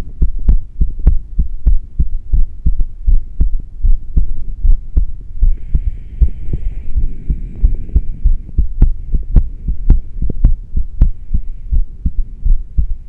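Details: Person's heartbeat recorded while rebreathing into a plastic bag through a straw with no fresh air, after about ten minutes of doing this off and on: fast, regular, strong beats about 110 a minute.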